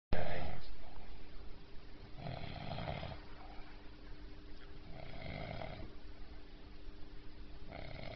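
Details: Jet-lagged sleeper snoring; low, rough snoring sounds recurring with breathing against a steady room hum.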